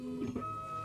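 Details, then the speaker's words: Vetronic Merlin veterinary ventilator in pressure-cycling mode: its tone changes as a hand mildly occludes the chest, lowering compliance, so tidal volume falls to about 140 mL at the same 12 peak pressure. The brief mechanical hum shifts pitch. "So because of the occlusion of the chest, we're putting in the volume, it's less compliant, it doesn't expand as well as it did before, so the"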